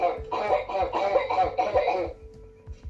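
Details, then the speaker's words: Child with habit cough lasting 14 hours a day, every three minutes: a quick run of about five loud, honking, voiced coughs, then quiet. "some children can call for 14 hours a day like this non-stop for five years the first example is my total costs 14 hours a day every three minutes"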